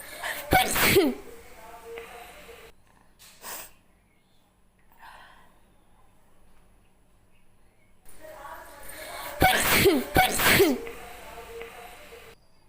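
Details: Sneezing challenge recording: several explosive sneezes in quick pairs, separated by quieter breathing, with light room noise in the background: sneezing.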